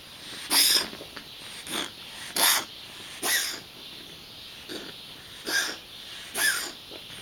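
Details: Wheezing in a dog that wheezes every morning and perhaps once more during the day; repeated harsh, noisy breaths or snorts about once a second.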